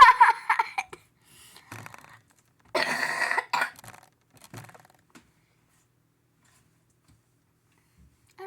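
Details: Child who mentions having "the coughs" coughing during a bedtime get-ready routine: a few short, loose cough bursts, then quiet room noise.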